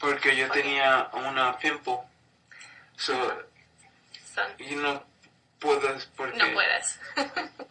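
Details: Adult man speaking; aphasia.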